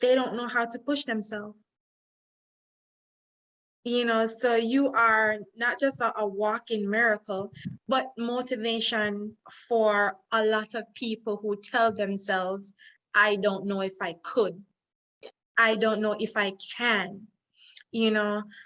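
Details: Adult woman speaking; normal speech.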